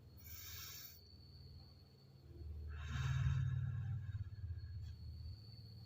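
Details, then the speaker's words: Demonstration of deep breathing and effective coughing technique: inhale through the nose, then exhale through the mouth with lips shaped as if whistling; a shorter airy intake then a longer blown-out breath, pursed-lip breathing. "hembuskan melalui mulut dengan bentuk seperti bersiul"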